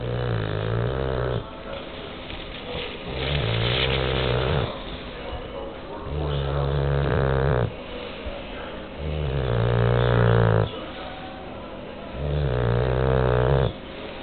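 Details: Bulldog snoring: deep, rattling snores on each breath, roughly every three seconds, about 20 breaths a minute.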